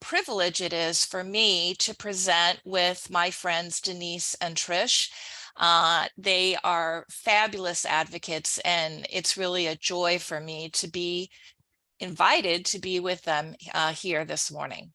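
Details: Adult woman speaking; typical speech.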